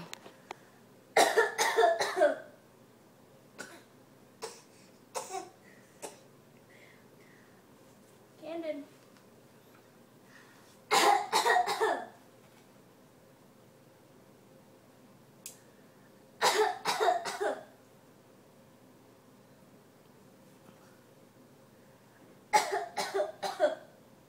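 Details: Young boy playfully fake coughing with his sister: clusters of deliberate coughs separated by quiet pauses and small vocal sounds; voluntary (fake) cough.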